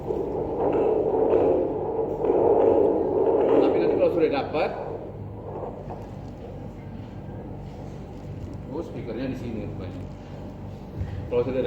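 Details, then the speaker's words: Fetal heart sounds on a Doppler (Doptone) device, heard with background music during an obstetric examination teaching session; sound differs from an ordinary stethoscope. "Jadi ada macam-macam [Musik] modelnya ini bunyinya seperti ini ni kalau ada bunyi jantungnya"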